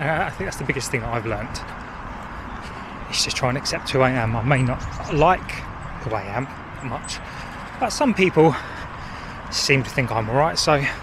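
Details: Adult man who stammers and hid his stammer for about 40 years before working toward self-acceptance; stammering.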